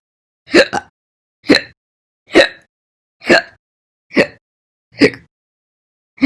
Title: 7/1/20 to 7/31/20, My Slow Hiccups